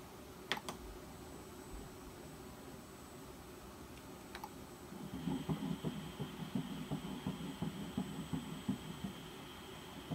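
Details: Rapid whooshing pulses starting after a few seconds, about 167 a minute; fetal heartbeat on ultrasound at 8 weeks of pregnancy.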